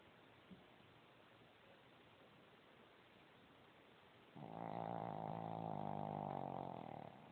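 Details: Snoring from Gizmo, a little dog: a loud, sustained, rough, vibrating rattling snore lasting a few seconds.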